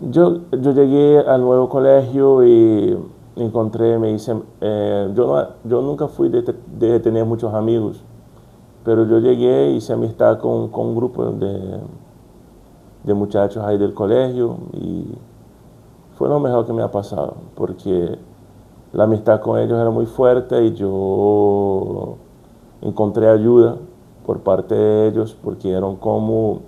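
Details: Brazilian adult man stuttering since childhood, speaking Spanish as a second language, working to overcome it; repetitions such as 'como como'; stuttering.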